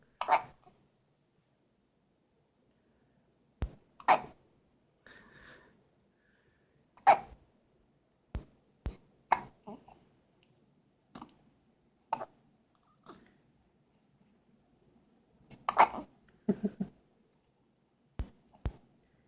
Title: Baby hiccups!